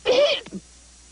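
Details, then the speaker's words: Cartoon sneeze, not real: a single sharp, voiced sneeze with a short trailing sound from a Sesame Street character in a song about covering sneezes; sneezing. "don't be a snurd when you sneeze. And go around spreading disease."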